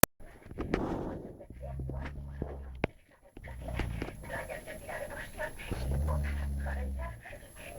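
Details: Dog snoring in its sleep: three drawn-out, low, droning breaths, each over a second long, over room noise with a few sharp clicks.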